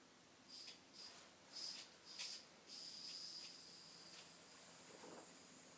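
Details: Short puffs of air as a manual blood pressure cuff on an adult patient's upper arm is pumped to 30 above the first reading, then a long, steady hiss as it deflates, in a paramedic student's simulated vital-signs skills demonstration.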